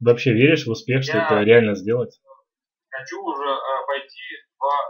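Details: Adult male speaker; Speech.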